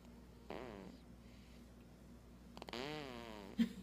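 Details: Snoring during sleep: two rough, buzzing breath sounds with a low rattle on breathing in, then a brief snort.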